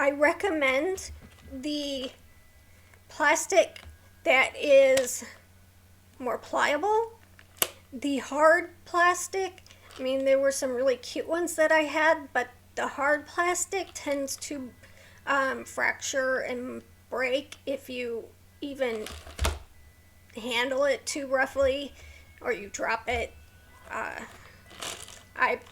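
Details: Adult woman with a neurological condition causing tremor of the hands, voice and head, plus mild tardive dyskinesia; she strains to talk, which has made her throat sore; vocal tremor.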